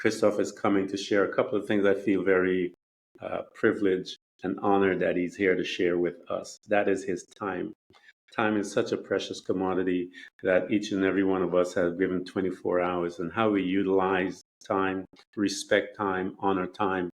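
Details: Adult man speaking; normal speech.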